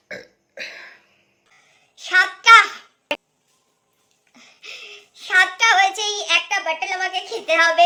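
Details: Burping challenge after drinking Coca-Cola, real burps: several short voiced belches, then a longer drawn-out voiced burp, with quiet gaps between.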